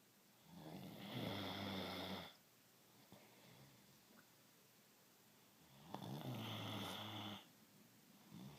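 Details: Dog snoring in sleep: two loud, low, fluttering snores on in-breaths, about 12 breaths per minute, in a quiet room.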